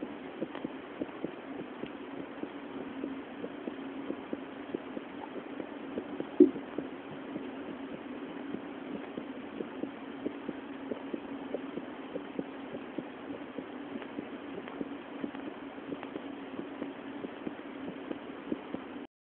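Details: Female's heartbeat recorded with a homemade phone heart-sound microphone: steady, regular beats roughly 70 to 80 a minute under a constant low hum; normal heart sounds.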